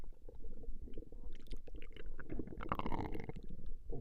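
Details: A woman's stomach growling, recorded over a long session: low, irregular gurgling and rumbling with brief squelching bursts, ordinary borborygmi.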